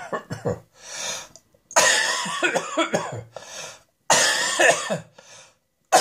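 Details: Repeated harsh, dry cough bursts in short runs with throat clearing and no wet rattle; a dry, irritative cough.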